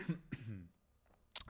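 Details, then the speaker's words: Ordinary cough from a person playing a video game: two rough, voiced coughs close together, then a pause and one short sharp cough in a quiet room. "oh gott chuldigung muss die Husten"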